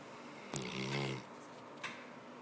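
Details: Sleeping snorer: a single rough, rattling snore lasting under a second, followed by a soft breath sound.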